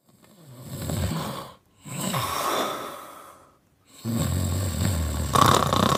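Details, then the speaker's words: A husband snoring while his wife tries to wake him, and he denies snoring: loud, rough snores on breaths in, three in six seconds with brief pauses; snoring. "Wake up. You snore me away. Don't snore now. I can't sleep."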